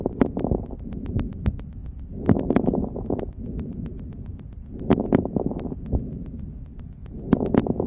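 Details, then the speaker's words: Breath sounds with many brief, sharp explosive popping crackles clustered in each breath. Finding: fine crackles. "les râles crépitant sont des bruits courent explosif on distingue selon leurs auteurs les crépitant fin et les gros crépitant d'écouter d'abord décrépite enfin"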